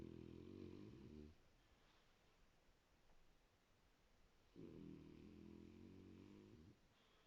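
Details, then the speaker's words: Two loud, low, buzzing snores from sleeping dogs, separated by a quiet exhale, loud enough to drown out the TV; ordinary, harmless snoring. "vous voyez je vous mens pas quand elles ronfle et j'entends même pas la télé quoi qu'il y a la télé voilà les boubous ça ronfle"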